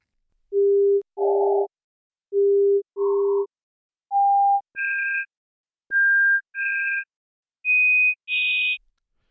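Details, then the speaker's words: Simulated cochlear implant hearing: pure tones of varying, rising frequency, each first as input to the implant and then as a buzzier, hissier match of how it sounded to an implant patient. "we then turn to speech here's what speech sounds like through the implant again first the input to the implant and then it's match"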